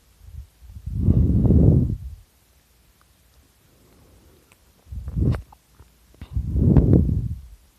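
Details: Person snoring very loudly while napping, loud deep rattling snores on breathing in with quiet pauses between breaths; snoring.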